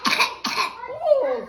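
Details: Young boy who is unwell with a really wet cough gives two harsh, loose cough bursts, followed by a short voiced whine or groan.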